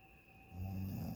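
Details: Snoring in a hotel room on vacation, described as a relentless freight train; a single low, rumbling snore starting abruptly over quiet room hum.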